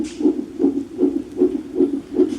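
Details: Fetal monitor during a woman's contractions, possibly a false alarm: rapid, regular galloping whooshes at about 150 per minute; a normal fetal heartbeat.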